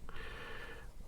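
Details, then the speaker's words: A single drawn-out, slightly whistling snore from a sleeping female dog, lasting under a second, over low room rumble. "oh my dog is snoring oh my goodness"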